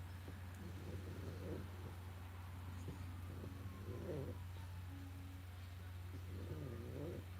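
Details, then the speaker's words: Sleeping pug snoring, called a "pug purr": soft, rumbling, purr-like snores in irregular bursts over a steady low hum; finding: snoring. "of you hear the snoring I'll bet you do I call it a pug purr"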